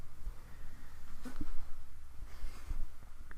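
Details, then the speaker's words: Single muffled sneeze from a gamer during live commentary, a brief burst of air against a quiet, humming room. "And we did the sneeze. You can probably hear it. It's happened before in this series earlier."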